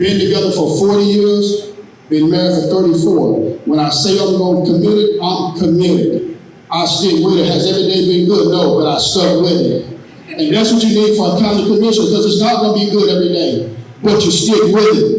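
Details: Adult man speaking; normal voice.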